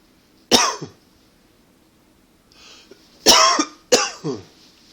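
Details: Persistent tickly cough attributed to allergies and partly smoking, not a fit: three dry, harsh coughs over five seconds with a quick intake of breath between.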